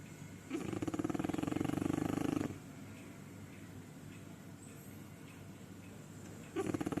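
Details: Two sleeping French bulldogs snoring: loud, rattling, fluttery snores on each in-breath, with quiet breathing out between.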